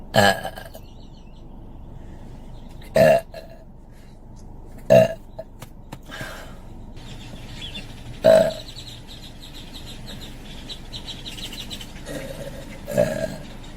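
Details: Adult woman burping outdoors: six loud, deep belches at irregular intervals, with bird calls in the background.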